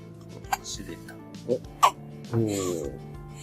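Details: 3-week-old newborn baby girl has brief hiccup catches, seems surprised by them, then gives a small fussy whimper, music in background; infant hiccups.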